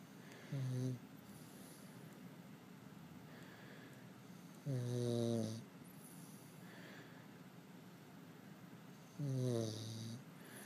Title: Louie Snoring